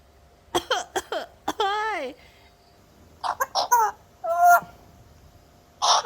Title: African grey parrot imitating cough sound